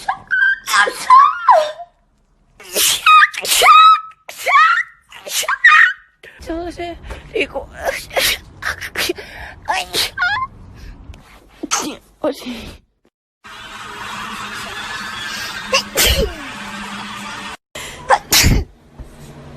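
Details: Series of sneezes from a compilation of TikTok clips, each a sharp inward gasp followed by an explosive burst, one after another, with background noise and "bless me" remarks.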